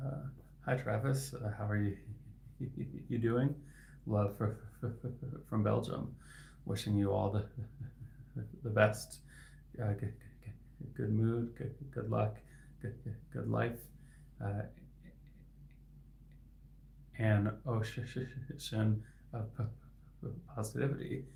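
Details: Adult male speech-language pathologist who stutters; his stuttering is inconsistent, sometimes with words stuck for about 15 seconds; repetitions heard; stuttering.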